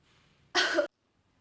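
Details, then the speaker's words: Nursing student demonstrating the effective cough and deep breathing procedure for a female patient, to clear airway secretions and produce sputum for lab testing: quiet deep breaths, then one strong, short, deliberate cough; effective cough. "Tarik nafas ini Hai dan Tarik nafas yang ketiga ini pas terakhirnya nanti bisa di sambil batuk.ibu seperti ini"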